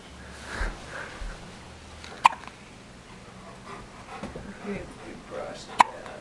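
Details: A baby's first hiccups: two brief, sharp hiccup clicks about three and a half seconds apart over soft room noise; ordinary baby hiccups.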